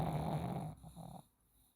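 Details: Sleeping pug snoring: a low, rattling snore, then a softer fluttering second breath sound, then quiet.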